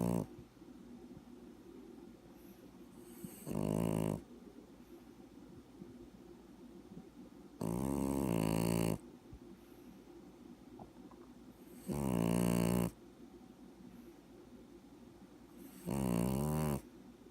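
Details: Sleeping puppy: loud rattling snores at regular intervals, four in about 17 seconds, with quiet breathing between; snoring.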